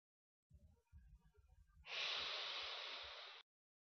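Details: A few soft breaths, then a strong, fast hissing inhalation lasting about a second and a half through a dry powder inhaler, demonstrating correct technique in asthma inhaler education; forceful inhalation through dry powder inhaler.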